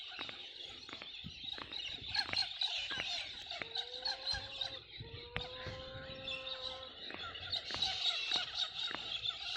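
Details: Knuckle cracking repeated about 100 times while on a trampoline: sharp pops from finger joints, a few per second, with chickens clucking in the background.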